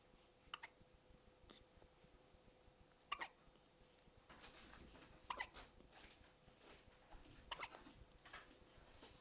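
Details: Hiccups: faint, brief clicking gulps recurring every couple of seconds over a quiet room hum.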